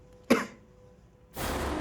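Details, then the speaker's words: Adult narrator with a cough, apologizing for it, gives a single short, sharp cough followed by a stretch of steady noise. "Sorry guys थोड़ा खांसी है मेरी आवाज थोड़ी"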